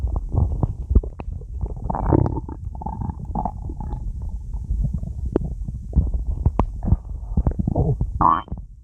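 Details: Stomach growling (borborygmi): loud, near-continuous gurgling and bubbling rumbles with squeaky rising notes.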